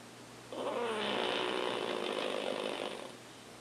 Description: Our pug Todd snoring like always